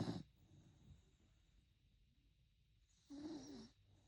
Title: Snoring puppy #snoringdog#funnypets #funnydogs #petslife